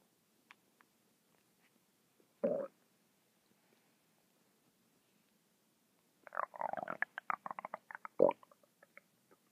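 A short gurgle, then a run of bubbling, popping rumbles from the stomach; ordinary bowel sounds.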